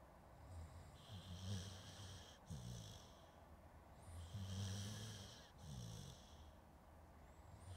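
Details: Dog snoring during sleep, recorded with a Zoom H2N as a sleep aid: slow, rattling snores with hissy breaths, about 19 breaths a minute, over a faint hiss.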